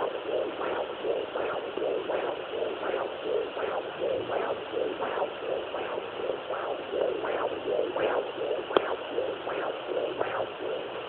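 Steady whooshing galloping pulses through Doppler hiss at roughly 160 beats a minute; a normal fetal heartbeat.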